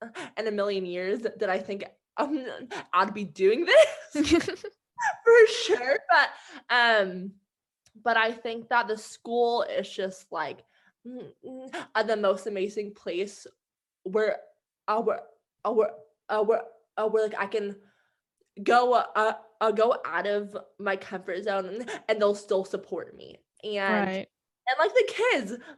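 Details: Adult woman with stuttering, a guest discussing her own stuttering and past speech therapy; she plans to become a speech-language pathologist.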